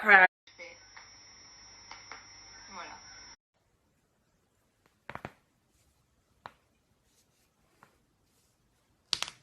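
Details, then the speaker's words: Young woman deliberately cracking her finger joints: several sharp, isolated pops in a quiet room; voluntary knuckle cracking (joint popping). "I can pretty much cracked every bone in my body it's kind of gross but I'll start with my neck"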